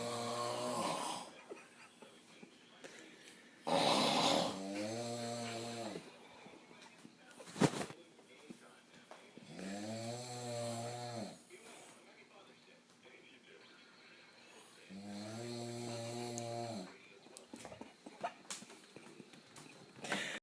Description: Loudest snores ever